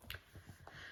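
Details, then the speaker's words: Faint brief clicks as a person with tracheomalacia, hypermobile joints (possibly elbows), joint pain and unsteady gait deliberately pops a joint: joint popping (crepitus) in a hypermobile joint. "You know, I can still pop them. I don't know if I've ever mentioned that I can pop them out. You know, still hypermobile in some of my joints."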